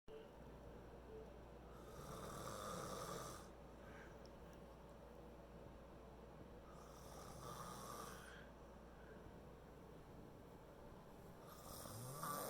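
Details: Dog passed out asleep, snoring: soft rasping snores roughly every five seconds over a steady low room hum.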